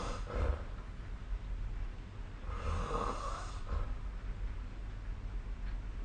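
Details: Low, soft rattling snores with breathy inhalations over steady background noise; snoring during sleep.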